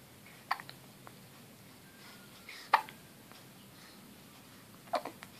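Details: Two-week-old baby girl: three soft, abrupt hiccups about every two seconds against quiet room noise; newborn hiccups.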